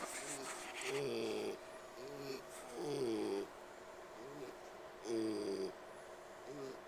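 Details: Resting pig wheezing while trying to sleep: repeated squeaky, whistling breath sounds with rough snoring edge, roughly every two seconds.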